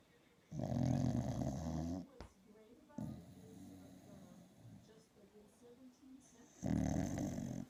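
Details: Really loud, rumbling snores from a sleeping dog, each over a second long, with quieter breathing and faint sounds between; snoring.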